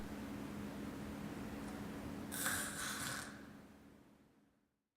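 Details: Agonal breathing (gasping) as a sign of cardiac arrest, in a CPR context: a single harsh, snorting gasp over a steady low hum.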